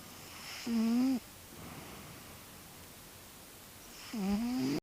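Two rattling, buzzy snores about three seconds apart, separated by quiet, in a small room. Snoring.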